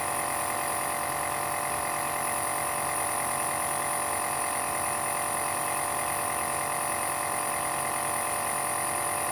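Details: Steady, even mechanical hum and buzz of an Omron nebulizer compressor running without pauses, used at home by an adult with asthma and allergies.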